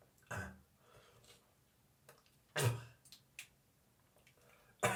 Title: Dry morning cough, gagging and spitting